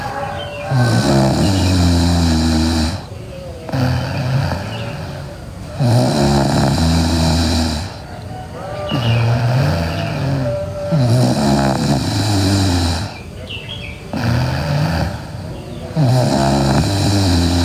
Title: Sleeping Girl Loud Snoring